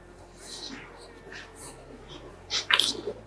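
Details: During a chiropractic neck adjustment session for a woman with persistent neck pain and tight neck muscles: soft room noise, then one sharp, hissing burst near the end, a single sneeze.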